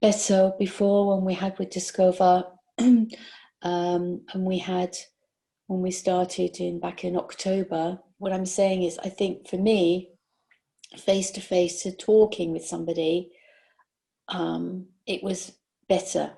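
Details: 62-year-old woman with aphasia after a stroke during sleep about 18 months earlier, with word-finding and comprehension difficulties; aphasia.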